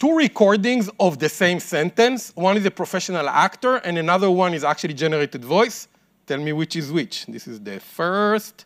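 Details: Adult male speaker; normal speech.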